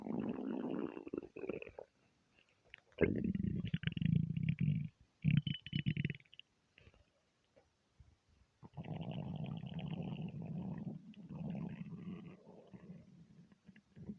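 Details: Aggressive stomach rumbles, half hungry and half gassy from eating too much: loud, low gurgling and rumbling bursts with brief pauses between them; borborygmi.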